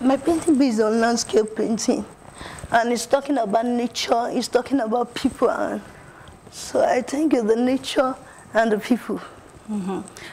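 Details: Adult woman with cerebral palsy, an artist; dysarthria in cerebral palsy.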